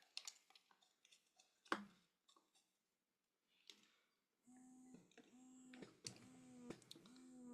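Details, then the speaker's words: BabyBuddha portable breast pump, new unit, switched on during a demonstration: button clicks, then a steady low motor hum with rhythmic pulsing strokes; the diaphragm has a slight twisting motion instead of just moving up and down. "so this doesn't just go up and down it has a slight twisting motion which means it's going to be a more comfortable pumping experience for a lot of people"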